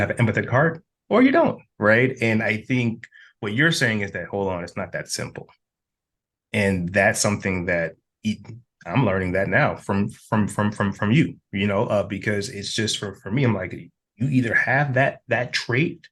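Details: Adult man who reports having stuttered himself, speaking as a host; stuttering.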